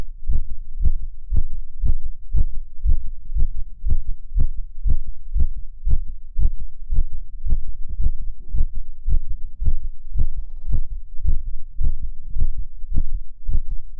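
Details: Regular, strong low male heartbeat at about 118 beats a minute, a fast heart rate, with a low steady hum behind it; ASMR recording.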